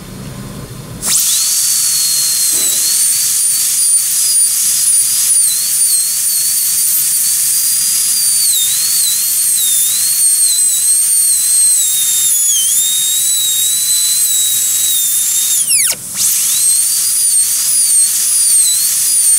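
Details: Air turbine dental handpiece with a carbide 330 inverted-pear bur cutting a Class I cavity preparation on a typodont: sustained high-pitched whine with small pitch dips under load, briefly stopping and restarting; bur held perpendicular to occlusal plane.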